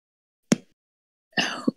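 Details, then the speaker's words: Single sharp pop from an adult's shoulder, who reports recent bad shoulder pain, followed by a brief unrelated noise: shoulder joint popping (crepitus). "I hope you guys did not just hear that. That was my shoulder popping. Like, recently, I've been having such bad shoulder pain."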